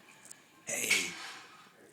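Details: A tired little boy at the dinner table gives a single brief, high-pitched hissing sneeze.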